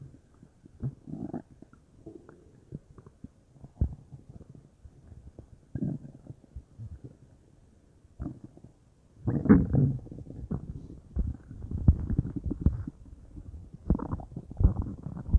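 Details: Scattered low gurgles and rumbles, then a longer bubbling stretch from a person's belly, stomach or intestines uncertain; bowel sounds (borborygmi).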